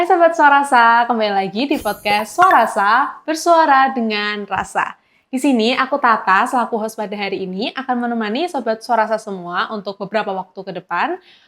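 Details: Adult female speaker; typical speech.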